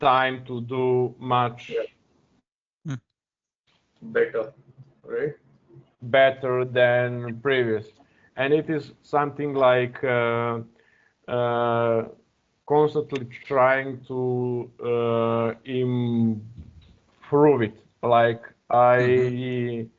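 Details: Real stuttering in an adult man speaking English as a second language; he uses a speech technique of focusing on a word's first or second vowel.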